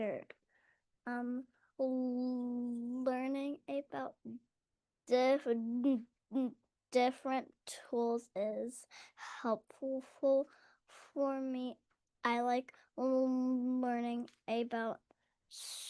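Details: School-age girl who stutters and is in speech therapy, where she learns tools and strategies; stuttering.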